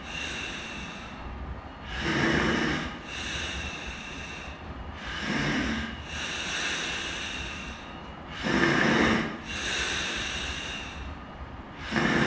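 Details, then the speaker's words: Adult self-test of breathing spontaneously through a bag valve mask: loud, effortful sucking breaths about 18 a minute to open the valve, notable work of breathing, exhausted after three or four breaths. "there's actually quite a bit of sucking in and quite a bit of work of breathing I'm having to do to breathe through this"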